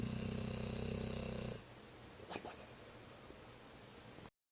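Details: Sleeping dog giving a brief buzzing, fluttering snore, then a quiet stretch with a soft sniff; snoring.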